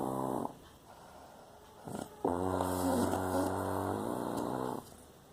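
Deep, buzzing, growl-like snores in two long breaths. Loud, vibrating snoring.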